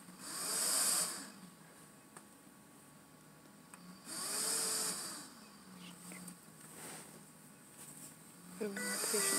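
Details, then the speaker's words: Rushing airflow bursts about every four seconds from BiPAP non-invasive ventilation via a full face mask over mouth and nose, each breath triggered by the awake person's own breathing, making talking hard; deep breaths are encouraged. "it is hard to talk cuz it's blowing at you every time you take any sort of breath it's triggering so just take a few big deep breaths"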